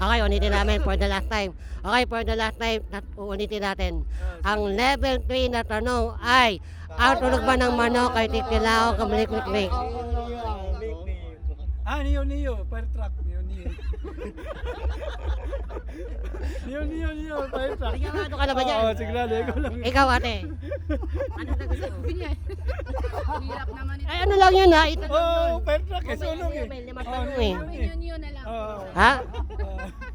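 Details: Filipino show host described as "ngongo" (nasal speech), asking a quiz question in Tagalog during an outdoor interview game in a park; hypernasal speech.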